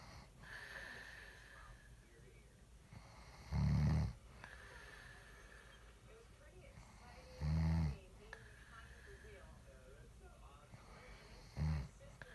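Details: Adult woman asleep, who says she doesn't snore: deep, rumbling snores about every four seconds, with quiet breathing and faint room noise between; snoring.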